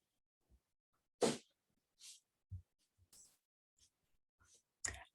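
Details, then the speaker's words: Repeated short, sharp, hissing sneezes from a small pet in a quiet room, heard during a spoken recording. "know if you can hear charlie sneezing but he put an exclamation point at the end of that"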